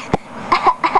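A single short, sharp cough from a young child, followed by a few voiced babbling sounds in a small room.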